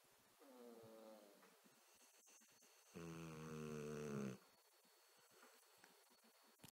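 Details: Ginger and Louie snoring together: two tonal snores, one soft and one louder and longer, separated by quiet breathing in a still room.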